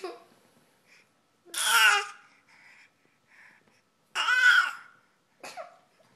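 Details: Five-month-old baby boy playfully making a voluntary fake cough, two voiced cough-like bursts with soft babbling between them.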